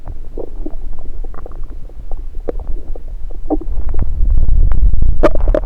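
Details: Normal active bowel sounds, heard through a stethoscope placed on multiple parts of the abdomen during a self-recorded session: frequent gurgles and low rumbles.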